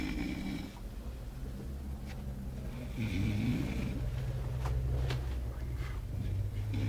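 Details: Man snoring loudly in his sleep: low continuous rumbling snore with a rough, fluttering quality under steady background noise; ordinary snoring.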